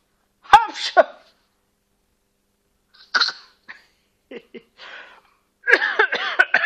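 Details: Young girl fake-coughing in imitation of her parent: short, voiced, deliberate cough-like bursts with brief pauses between.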